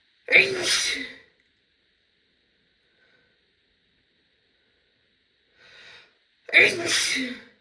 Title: loud female sneeze (F)